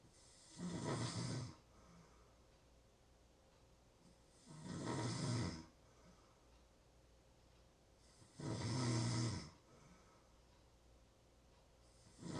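Slow, loud rattling snores on each breath in, about 15 a minute, with quiet pauses between.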